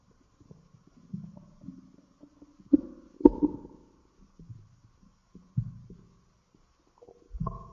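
Irregular low gurgles and rumbling bubbles from the belly, ordinary stomach growling (borborygmi) from gas and fluid moving through the gut.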